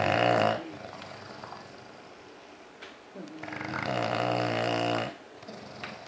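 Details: Loud, rattling, buzzing snores from two sleeping bulldogs; heavy snoring.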